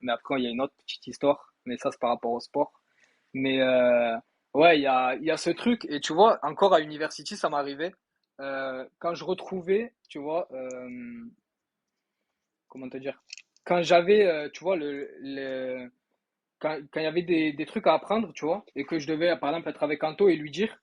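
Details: Acquired stuttering in an adult man who spoke fluently until he was electrocuted; now mild, worse when facing difficulties, and present during university oral tests.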